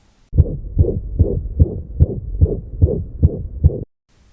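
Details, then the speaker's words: Heart murmur in a dog or cat on veterinary stethoscope auscultation: fast, regular beats near 146 a minute with a continuous whooshing, hiss-like added noise filling the gaps, from a valve that closes poorly. "lorsque une valve va mal se fermer il va y avoir des bruits sur ajouté on va attendre une sorte de sifflements à l'auscultation et c'est ça qu'on appelle le souffle au coeur"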